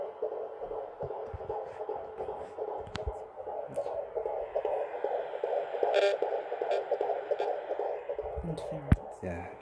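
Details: Fetal heartbeat on Doppler, heard by the parents for the first time: fast, whooshing pulsed beat about 150 a minute.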